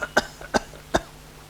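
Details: Minute gun cough, presented during a doctor's lecture on homeopathic management of cough.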